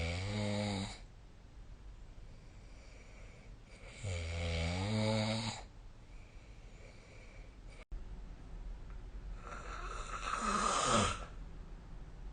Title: 🐽 本日のイビキ / Snoring Sleep Sound